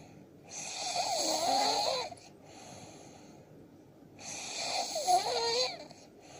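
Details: Adult man snoring: two long, rasping, hissing breaths with a whistling, fluttering quality, separated by a quiet pause.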